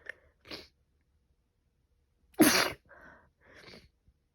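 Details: Pollen allergy: a single loud, explosive morning sneeze, with a short inhaled catch before it and breathy sniffing after; sneezing.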